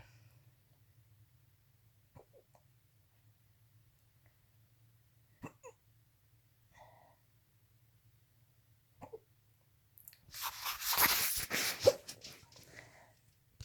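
Soft, brief hiccup sounds recur at irregular intervals in a quiet room, followed by a louder rustling or breathy burst near the end.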